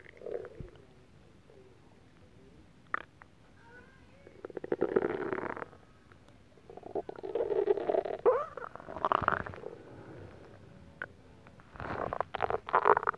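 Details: After eating a whole pot of Japanese stew: gurgling, bubbling growls in bursts with quiet gaps; stomach rumbling (borborygmi).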